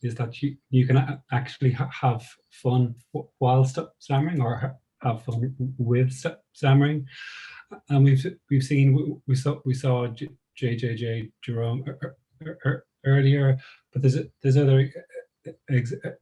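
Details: Stammering (stuttering) in an adult woman who describes herself as a person who stammers, with audible part-word and whole-word repetitions.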